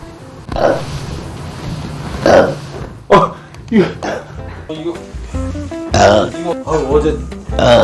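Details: Repeated loud, low, throaty burps from an adult who can belch endlessly, reportedly from poor digestion, with music and voices in the background.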